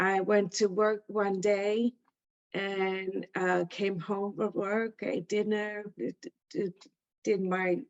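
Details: Adult woman with aphasia after a stroke in September 2019, caused by a blood clot passing through a hole in her heart present from birth; about two years of speech therapy; speaking is harder when tired; aphasia.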